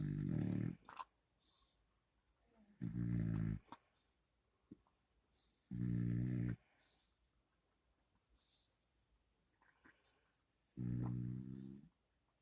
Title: Pit bull snoring loudly